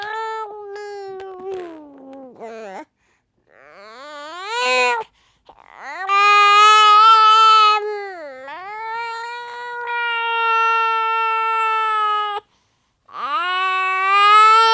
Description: A little baby is crying. Poor baby.